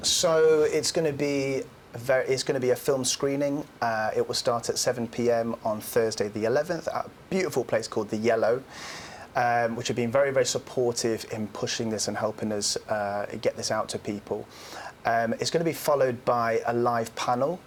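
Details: Adult male speaker; normal fluent speech.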